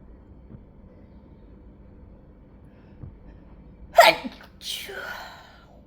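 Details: An adult's stifled sneezes that turned into a sneezing fit: a quiet room, then one loud, sudden sneeze followed by a softer, breathy sneeze-like sound.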